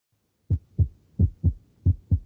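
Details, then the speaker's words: Regular paired lub-dub heart sounds, about 90 a minute, with quiet gaps and no murmur: normal S1 and S2, systole between first and second sound, played in a cardiac valvulopathy lecture. "Bueno, justamente como podemos ver, los ruidos cardíacos tienen esa sonoridad. Ustedes lo van a reconocer como el loop-doo, loop-doo."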